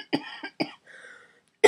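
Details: Two short, harsh coughs followed by a brief wheezy, whistling breath from a cystic fibrosis patient with severely decreased lung function, just home from hospital.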